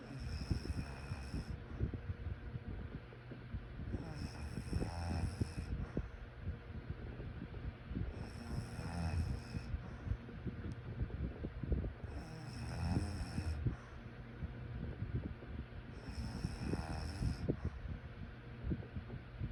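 Rough, rattling snores recur about every four seconds, roughly 15 breaths a minute, over steady low room rumble. Sleep snoring.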